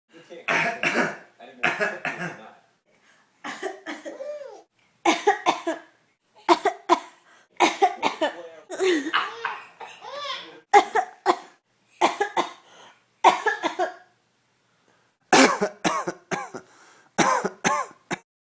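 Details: Adults pretending to be sick give repeated deliberate coughs and throat clearing while a baby laughs between them; voluntary cough.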